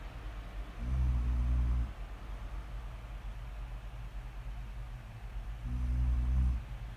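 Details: Two deep, rumbling snores several seconds apart with quiet breathing between; ordinary snoring during sleep.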